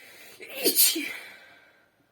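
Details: Woman sneezing after saying "itchy", then blowing into her hand: a single sharp sneeze with a quick intake before it and a trailing breathy release.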